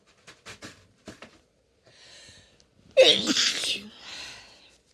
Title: Christmas Chhinkni Sneezes (F)